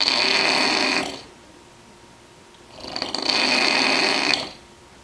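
Two long, harsh, hissing noisy breaths about two seconds apart, with quiet between them: snoring with a rough, raspy quality.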